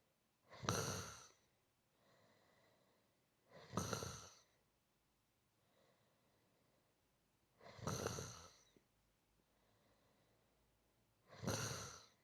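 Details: Four rough, rattling inspiratory snores each followed by a soft sighing out-breath, steady at about 16 breaths a minute; gentle regular snoring.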